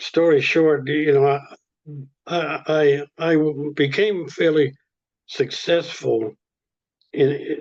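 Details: Adult speaker; stuttering.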